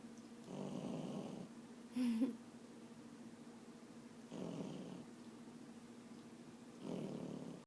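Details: A sleeping puppy gives three soft, rattling snores about three seconds apart, with a brief squeaky sound between them.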